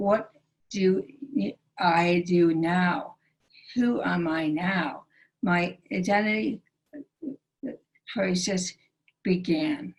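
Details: Aphasia in a female stroke survivor, present since her 2011 stroke and recorded June 2020; the stroke initially took away all her speech.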